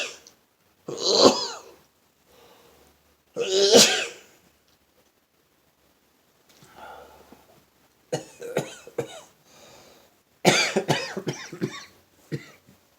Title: Sneezing morning